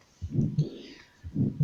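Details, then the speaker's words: Grade 4 heart murmur: an intense murmur with a palpable thrill (chest wall vibration), clearly audible and heard with the stethoscope tilted 45 degrees off the chest. "un soplo grado cu es un soplo intenso con frémito táctil es decir acompañado de vibración de la pared torácica es claramente perceptible"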